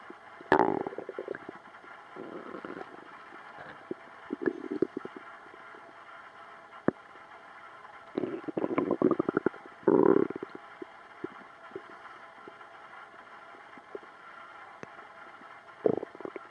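Intermittent low gurgles and rumbles over a quiet background, separated by silent stretches; ordinary stomach rumbling from gas and fluid moving through the gut.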